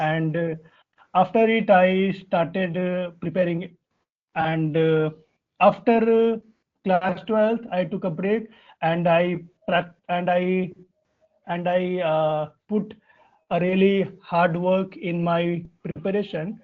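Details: Adult Indian man whose stuttering began around class one or two and still affects his speech in meetings; real, developmental onset; stuttering.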